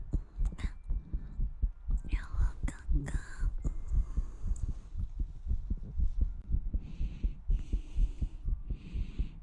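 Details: ASMR recording: soft, regular low heartbeat thumps at about 120 a minute, with tongue clicks and whispery mouth sounds on top.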